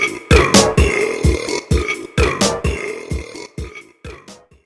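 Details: From a burp compilation: a run of loud, deep belches in quick succession over background music; burping.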